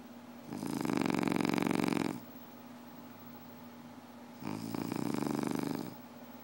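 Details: Two loud rattling snores on the in-breath, about four seconds apart, over steady room hum; ordinary snoring by a sleeping person.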